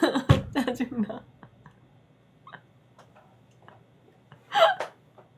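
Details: Streamer fighting a sneeze: short voiced catches and gasps build up, a quiet pause, then a sharp, breathy burst: a sneeze after held-back attempts.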